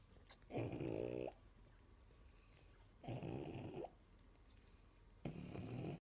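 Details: Pug snoring in her sleep while nursing her six 4-day-old puppies: three loud, buzzing, fluttering snores roughly every two seconds, about 25 a minute.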